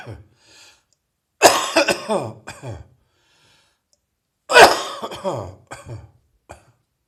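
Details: Adult with a heavy chest cold, cough becoming drier: two harsh coughing bouts, each a strong burst followed by weaker trailing coughs, in a quiet room.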